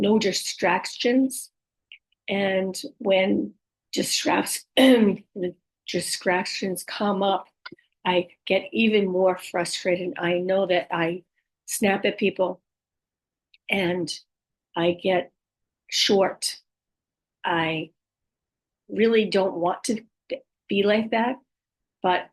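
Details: Woman with aphasia and apraxia of speech after a stroke at age 58; she reports speech sometimes hard to understand and, especially early on, repeating words over and over to get them out; aphasia and apraxia of speech.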